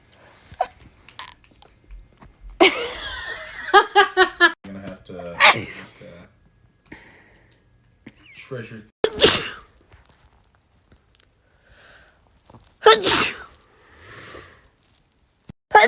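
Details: Several sharp, explosive sneezes in quick succession with brief talk and laughter between, from a person in a compilation of rapid sneezes; repeated sneezing.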